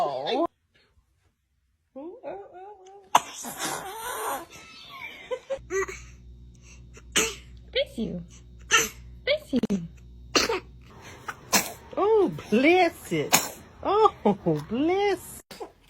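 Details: Several short, high-pitched baby sneezes with adults saying bless you and brief background music between them.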